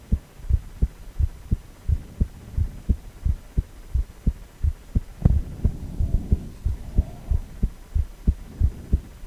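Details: Heartbeat during cardiac ultrasound.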